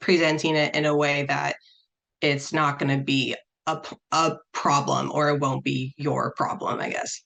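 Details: Adult who stutters, speaking as a panelist on dating and stuttering; repetitions and blocks audible; stuttering.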